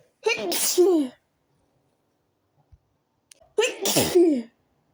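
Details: Sneezing after leaving a window open at night and waking with a tickly nose; two loud voiced sneezes about three seconds apart, each a drawn-in breath then forceful burst.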